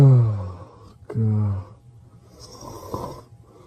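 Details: Sleeping Pyrenean Mastiff dog snoring: deep, low, rumbling breath sounds, loudest at the start.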